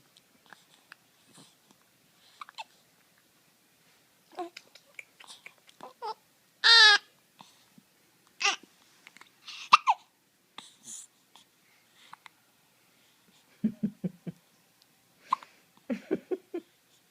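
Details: Infant at one month old with hiccups: brief, sharp hiccup sounds at irregular intervals, mixed with small squeaks and coos.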